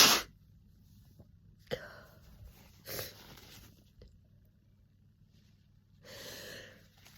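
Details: Person with a summer cold sneezing non-stop: a sharp sneeze followed by a few quieter messy sneeze-like bursts and breathy sniffs, with snotty nose blows; sneezing with a cold.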